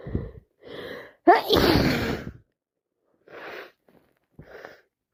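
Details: Gasping breaths, one forceful wet sneeze, then short breathy catches: sneezing fit on day 3 of a common cold caught from a cousin, sneezing constantly.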